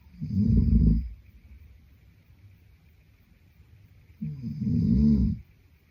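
Two deep, rattling snores on breathing in, about four seconds apart, with quiet breathing between; typical adult snoring.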